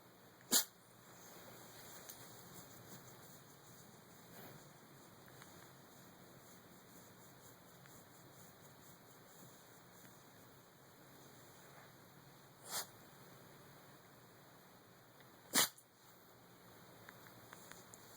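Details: Lilly makes herself sneeze to get petted: three short, sharp sneezes, spaced apart, against quiet room noise.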